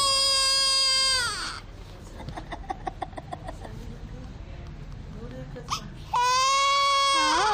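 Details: Newborn baby girl on her first day: a loud, high, sustained cry, then a quieter pause with small sounds, then crying resumes strongly; a vigorous infant cry.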